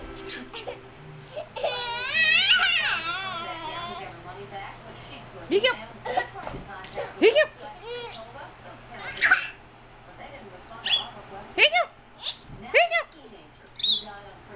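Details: Boy who suddenly got hiccups while eating at the table: a brief fussy cry, then about seven short, sharp, gulping hiccups at irregular intervals, with an adult voice in the background.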